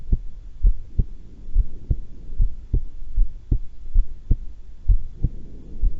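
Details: Normal heart sounds recorded during a voluntary breath-hold at calm rest, not excited: steady regular lub-dub at about 70 per minute over a faint low hum.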